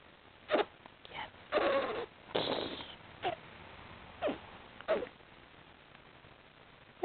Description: my one month old daughter sleeping in her strange positions, making stranger sounds...